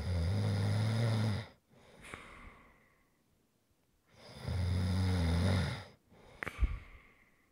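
Two loud, low, rattling inhaled snores with quieter breathy exhalations between them, a slow sleeping rhythm. Typical snoring.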